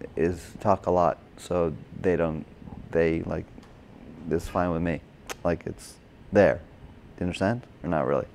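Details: Adult man with Broca's (expressive) aphasia from a stroke during heart surgery in 2007, about 10 years earlier; hospitalized two months, with OT, PT and speech therapy; difficulty with names, numbers, reading and writing; agrammatic speech with word-finding errors.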